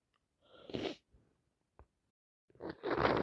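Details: A wet sneeze, a short pause with small sniffs, then a second forceful sneeze; sneezing on day 3 of a common cold caught from a cousin.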